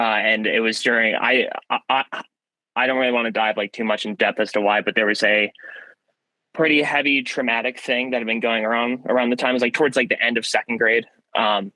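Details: Young man who has stuttered since about first grade, with recurrence in second grade after a traumatic event; has had speech therapy; hard vowel sounds hardest; worsened by stress, first impressions and phone calls; stuttering.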